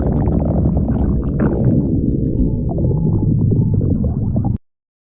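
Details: A person's stomach growling again; borborygmi.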